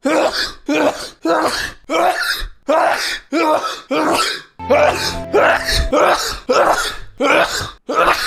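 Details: A rapid run of about a dozen forceful sneezes, roughly one per second, within a long sneezing fit of 74 sneezes in a row.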